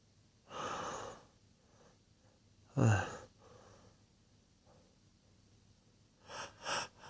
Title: A couple of natural sneezes (M)